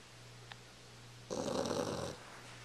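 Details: Snoring, recorded with a Flip Video camcorder: a single rough, rattling snore over a steady electrical hum.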